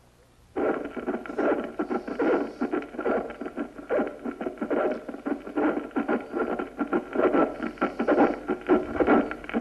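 Harsh, scratchy, grating sounds recur with each heartbeat, about 70 a minute, over a faint steady hum: a pericardial friction rub.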